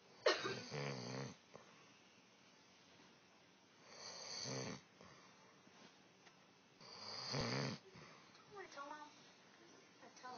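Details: Adult woman asleep, three loud, rattling snores on the in-breath about every three seconds with quiet breathing between in a still room; snoring.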